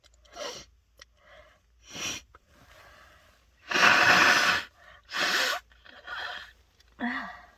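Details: Adult congested from a cold, after a dose of chhinkni (sneezing powder): several forceful sneezes in a row, each preceded by a sharp catching inhale, a bout of repeated uncontrollable sneezing.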